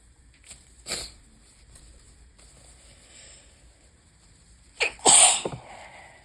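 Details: Several sharp sneezes with quiet breathing between and light room noise, on a bad allergy day with high pollen and an open window: repeated sneezing from allergic rhinitis.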